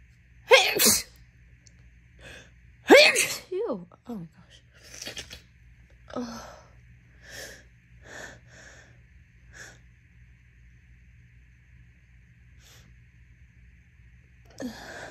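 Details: Induced sneezes after an itchy nose all day: two loud wet, messy sneezes, each with a quick breath in before, followed by sniffing and small breathy sounds.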